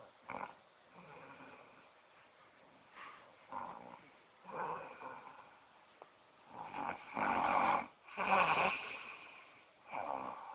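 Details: A mother asleep sitting upright in her chair, snoring, filmed on a low-quality cellphone with the filmer laughing in the background: irregular, raspy, fluttering snores and snorts growing louder toward the end.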